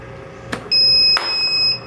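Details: SeQual Eclipse 5 portable oxygen concentrator unplugged from AC power to run on battery: a click, then a steady high-pitched electronic tone; a normal power-change alert.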